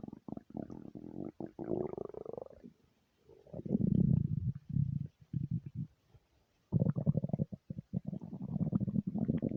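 Long, low gurgling and bubbling rumbles with brief pauses: ordinary stomach rumbling from gas and fluid moving through the gut.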